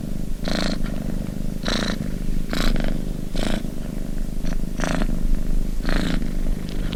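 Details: Cat snoring.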